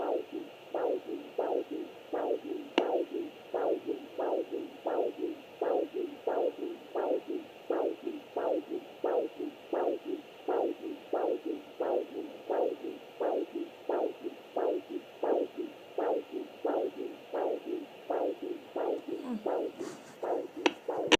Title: Fetal Doppler pt 2